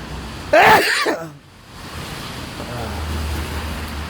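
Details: Patient with persistent intractable hiccups since 2015, plus breathing and choking spasms of undetermined cause; one loud, harsh cough-like burst with a short choking catch during a choking spasm episode, then quiet room noise.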